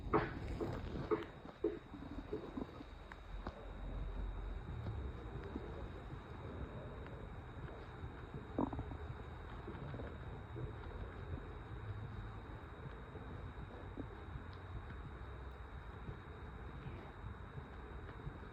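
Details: Low, prolonged rumbling and gurgling stomach growling after almost 3 days without solid food, only iced tea that day; occasional sharp stomach pains and a warm stomach and chest are reported; construction noise in the background.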